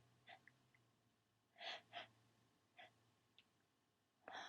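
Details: Sneezing fit with stuck sneezes, getting rapid in the middle: several quick, sharp sneeze-like bursts in close succession, some small and stifled.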